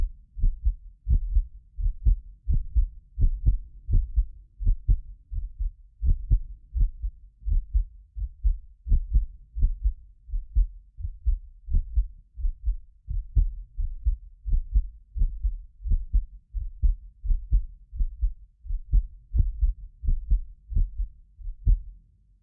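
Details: Heartbeat of a self-described medically fit person, recorded with more than six precision contact microphones; regular soft paired thumps at resting pace, occasional doubled click from the roughly 6 ms microphone delay, not the heart; normal heart sounds.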